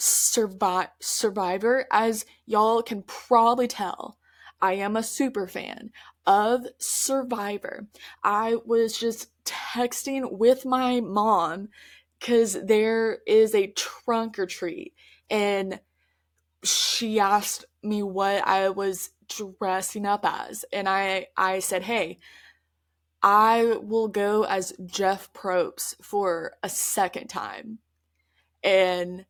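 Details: Stuttering in an adult woman who stutters, mostly repetitions and prolongations of words by her own account, heard in real conversational storytelling.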